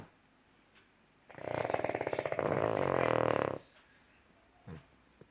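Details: Dog snoring: a single loud, rattling snore of about two seconds with fluttering vibration in a quiet room.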